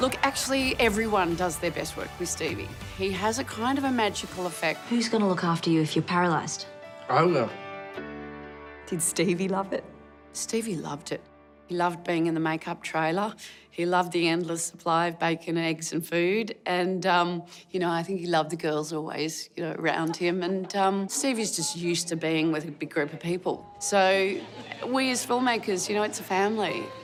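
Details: Adult speakers, interview; normal speech.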